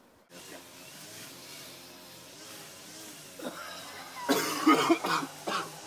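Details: Simulated smoker's cough: an actor performs a burst of harsh, wet-sounding coughing and throat clearing after a quiet stretch.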